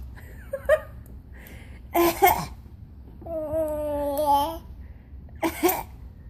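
A young child gives two short coughs, a few seconds apart, with a drawn-out voiced babble between them in a quiet room: child's cough.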